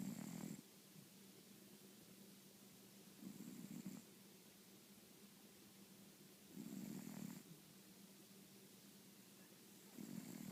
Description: My fat cat snoring on my bed...yes, she needs to go on a diet!!!